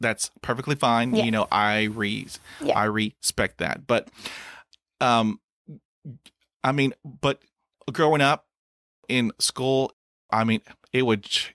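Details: Adult male who has stuttered since childhood and reports first-sound repetitions and blocks; stuttering.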